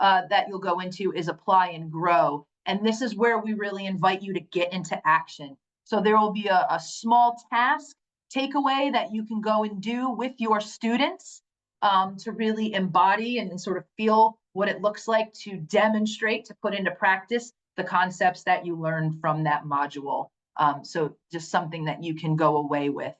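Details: Adult woman speaking; normal voice.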